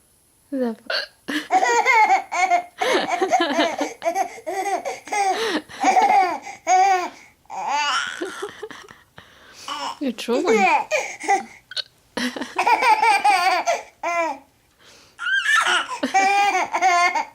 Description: baby giggles at Mommy's hiccups